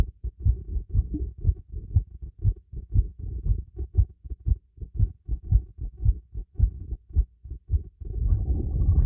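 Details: Stethoscope recording during light exercise: strong, steady low thumps at about 115 beats a minute with rustling breath noise at the end; a fast normal heartbeat.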